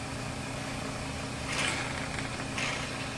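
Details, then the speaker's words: Portable suction unit tested before sterile tracheostomy suctioning, catheter tip in normal saline: steady motor hum and hiss with two brief louder hissing surges as the thumb covers the catheter opening to apply suction. "I will test that my suction is working by putting the tip of my suction catheter in my normal saline. With the thumb of my non-dominant hand, I will cover the opening of the suction catheter, and that is what applies the suction."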